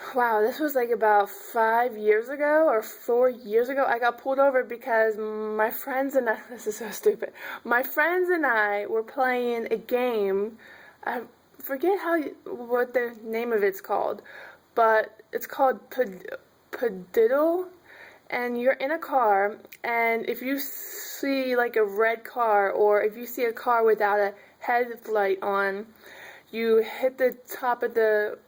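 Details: Adult woman who stutters and says people sometimes mistake her speech for intoxication; stuttering.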